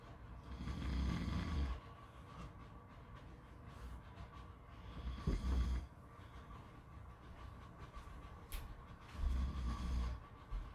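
Three loud rattling inhaled snores, about one every four seconds, over steady background noise; snoring.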